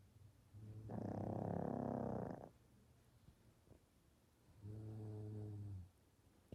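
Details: A little dog and a kid taking turns snoring: a loud, rough, rattling snore, then a softer, lower, smoother one; alternating snoring from two sleepers.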